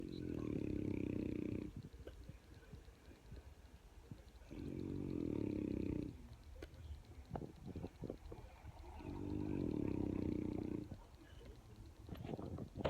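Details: Junior sleeping with eyes open on a hot summer night: loud, low, fluttering snores about every four and a half seconds (roughly 13 a minute), with faint clicks between; snoring.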